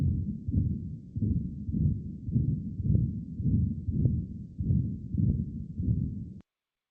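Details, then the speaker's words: Dog with a heart murmur, from a talk on congenital heart disease in dogs: heartbeat buried under a loud rushing whoosh with each beat, likened to a steam train, reflecting blood flow through the heart. "So, I almost liken that one to a steam train pushing down the road like a And that's so that's that sound that we hear when we have a a murmur."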